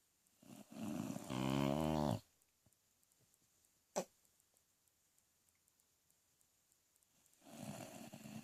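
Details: Loud, rough, rattling snore on the in-breath, then a long quiet pause before the next breath; snoring.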